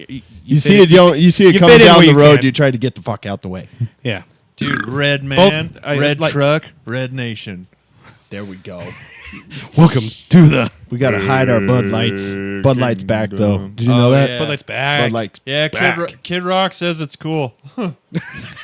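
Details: Adult male speakers in casual conversation; typical adult male speech.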